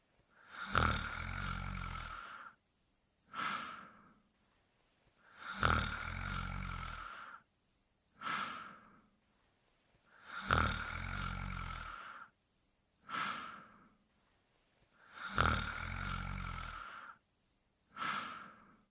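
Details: Cartoon Pink Panther snoring quietly: long rumbling in-breaths alternating with short airy out-breaths, about 12 cycles a minute; simulated snoring.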